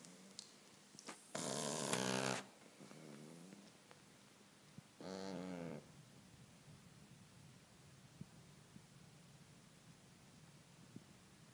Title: My dog snores like human